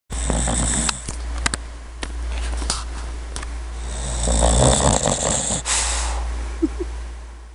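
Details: Snoring from a sleeping puppy that has been very sleepy lately: soft rattling snore sounds under a steady low hum, with a few clicks and rustles.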